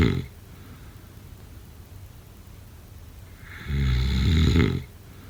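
A short rattling snore at the start, a long quiet pause, then one loud, low, vibrating inhaled snore lasting about a second: snoring.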